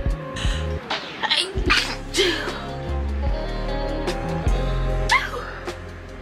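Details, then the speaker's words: Adult woman sneezing during a vlog: a brief burst of sneezing over loud background music. "I have to sneeze there it is"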